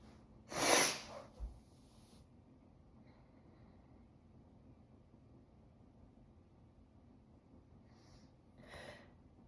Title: How to sneeze nonstop extreme! ( part 30)